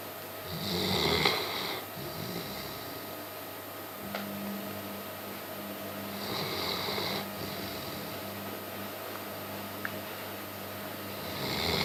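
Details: German shepherd sleeping in a strange position in the living room: rhythmic snoring, about one breath every five to six seconds, hissing and fluttering over room hum; snoring.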